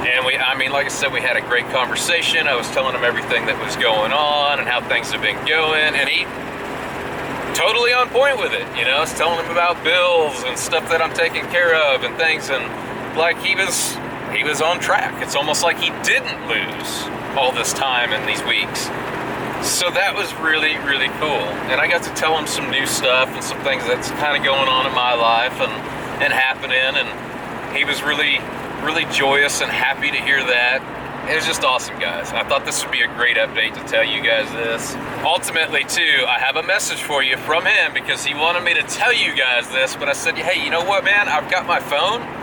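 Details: Adult male speaker; normal speech.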